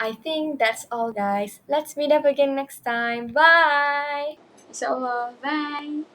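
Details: Adult speaker, high-pitched voice; normal speech.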